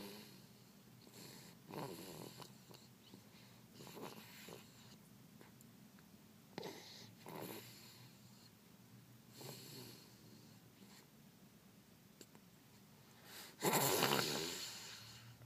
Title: Sleepy baby snoring